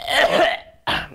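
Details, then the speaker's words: Imitated cough demonstrating mucus from post-nasal drip: a harsh throat-hawking sound followed by a short cough; the hawking is more prominent than the cough. "there's a lot of mucus in the nose and the nose there is from the nose there is a post nasal dripping so whenever the mucus reaches the throat he hocks it out and they hock it out so the Hawking is accompanied with the cup"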